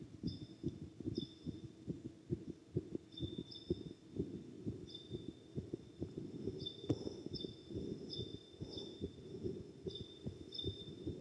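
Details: Fast, steady low heart thumps from a boy's chest after exercise; normal heart sounds at a raised rate.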